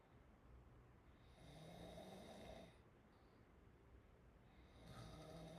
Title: Chinese girl snoring #snoring #openmouthsounds #snoringasmr #chinese